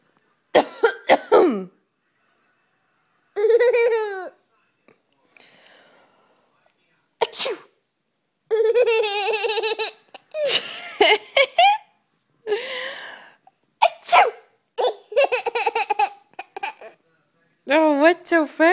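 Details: Playful fake sneezes from a mother, answered by bursts of an infant's high-pitched giggling; imitated sneeze.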